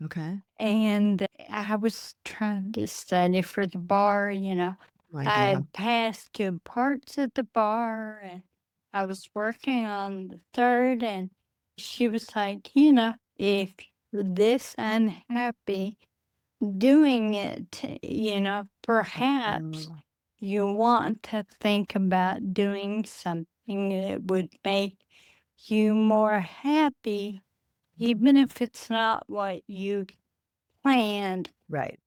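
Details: Adult woman with Friedreich's ataxia, a rare progressive neurodegenerative disease diagnosed at age 23, which she says affects speech and can cause swallowing difficulty; wheelchair user; ataxic dysarthria.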